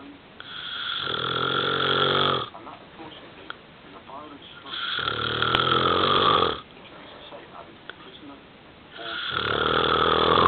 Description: My husband snores very loudly.